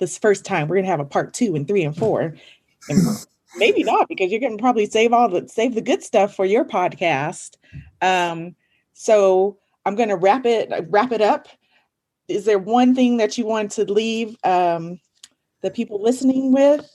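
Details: Adult female speaker; Normal conversational speech.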